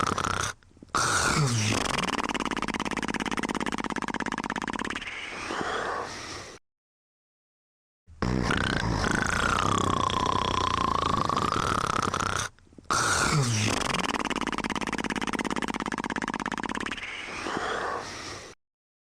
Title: The Dog Crew (TV Series) (1988-1992): Robert Sleeping & Snoring in 59 seconds